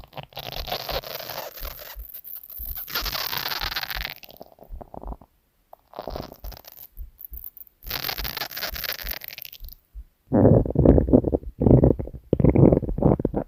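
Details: Bursts of gurgling and squelching abdominal sounds mixed with scratchy handling noise, then louder low rumbles; stomach growling (borborygmi) recorded from a girl's stomach.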